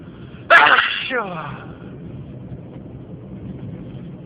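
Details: Single loud, abrupt sneeze with a voiced tail, then quiet room noise.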